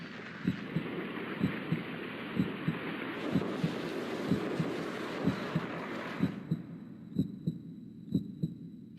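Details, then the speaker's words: Human heartbeat: a regular lub-dub at about 62 beats a minute over a soft hiss, a normal heartbeat made as the heart squeezes to pump blood. "A heartbeat is the sound of your heart squeezing together as it pumps blood around your body. Your heart is actually a very strong muscle, about the size of your fist."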